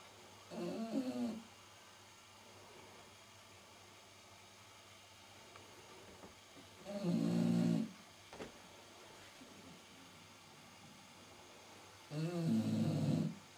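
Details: Staffordshire bull terrier snoring in sleep: three deep, rumbling snores roughly every six seconds with quiet pauses between.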